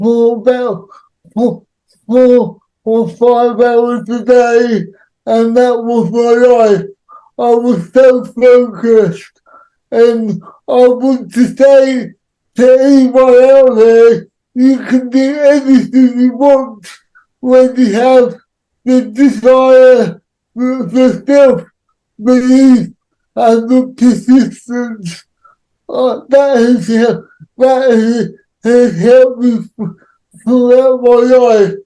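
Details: Dysarthria in an adult man with cerebral palsy, who says there are some words he cannot say.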